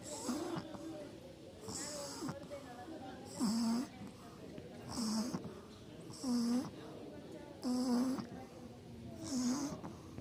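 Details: Pug dog asleep, snoring steadily with regular rattling snores and a slight whistle, about 40 a minute.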